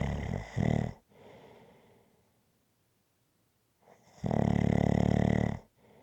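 Loud, buzzing snores on the in-breath with a softer breathy out-breath, about 15 breaths a minute in a steady rhythm.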